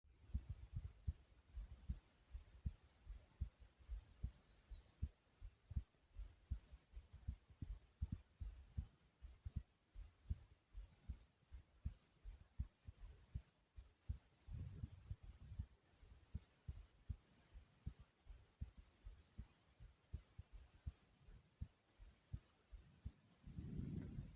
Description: listen as my heart beats so thumpy and slowly.